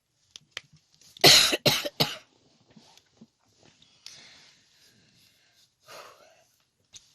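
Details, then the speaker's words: Cough in an adult who has been ill for about three weeks after flu and angina, with voice loss for over 1.5 weeks and difficulty breathing. "J'aimerais respirer tellement mieux que ça. Ça commence à me fatiguer d'être malade."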